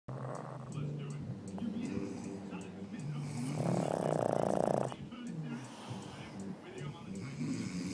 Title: Sleeping/snoring pug